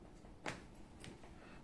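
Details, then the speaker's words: Joint cracking (cavitation) during manual foot massage: the foot is stretched against a hand at its midpoint, giving sharp, brief clicks from the ankle and foot, a triple click as the joint unblocks. "До характерного хруста, как говорится. Таким образом получилось три разблокировки сустава. Раз, два, три. Тройной щелчок был, если вы слышали."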